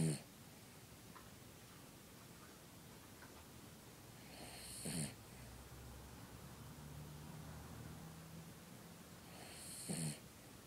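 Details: Snoring in a small dog that has snored for the last hour, reportedly getting worse: quiet, slow sleep breathing with two soft snorting snores about five seconds apart.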